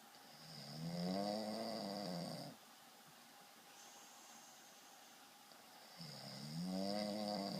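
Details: Man snoring during sleep: two long, rattling inhaled snores separated by a quiet pause of a few seconds.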